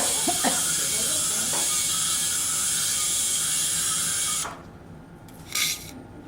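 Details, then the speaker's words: Surgical drill removing residual bone during transcanal revision tympanoplasty for severe eardrum lateralization after several previous operations: a steady high-pitched whir with grinding as it cuts bone, then it stops, leaving quieter suction and room noise. "it's very nice and now I can drill out the residual um bone"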